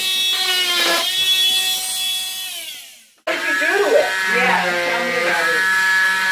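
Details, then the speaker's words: Oscillating cast saw removing a cast from a broken ankle: a high, buzzing whine that winds down, stops, then restarts and grinds through the cast. "thank you this sounds loud apologize for the noise with the break"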